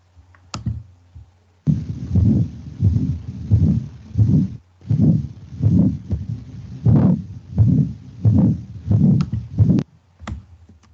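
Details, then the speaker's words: Fourth heart sound (S4): low, regular heart thumps at about 90 a minute with a soft, low-frequency extra sound in late diastole just before each first sound, linked to a stiffened left ventricle, e.g. hypertension, aortic stenosis, or ischemic or hypertrophic cardiomyopathy. "E o quarto som é o som que indica uma anomalia cardíaca, que é quando os ventrículos esquerdos estão endurecidos."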